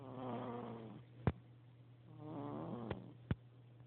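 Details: Mav, a sleeping animal, giving two drawn-out, buzzing, throaty breaths about two seconds apart, each followed by a soft click; snoring.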